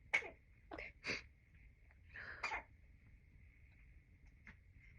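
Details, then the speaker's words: Several short, sharp bursts of air over a steady background tone from a postpartum woman after a run of about six sneezes, who still feels a constant urge to sneeze; sneezing. "Oh, I can't shake this feeling. It's like a constant feeling that I have to sneeze."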